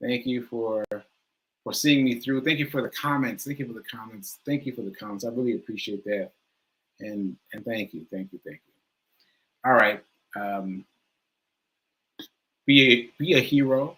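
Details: Self-reported aphasia in an adult, which the speaker says varies from person to person and feels worse on the day of recording; live, unscripted speech with aphasia.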